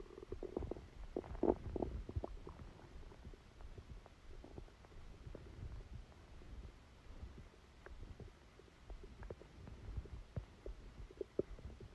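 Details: Stomachache after Christmas dinner, recorded while the person slept: frequent soft gurgles and bubbling rumbles over a low hiss; active bowel sounds, stomach rumbling.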